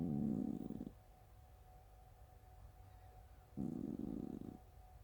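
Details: Sleeping cat snoring: two low, rumbling, fluttery, fart-like snores about three seconds apart, with quiet pauses between them; snoring.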